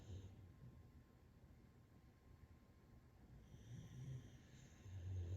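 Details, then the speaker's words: Snoring from relaxed dogs lying nearby during a restorative yoga session, the human instructor stating it is not her. "And you may hear a little snoring. I promise it isn't me. This restorative yoga practice that I've been doing has even allowed the dogs to relax a little."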